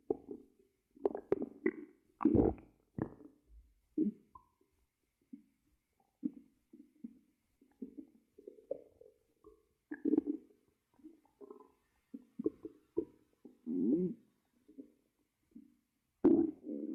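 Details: An ASMR recording made by monitoring a person's own belly: irregular gurgles, squeaks and low rumbles separated by quiet gaps. Ordinary stomach growling, bowel sounds (borborygmi).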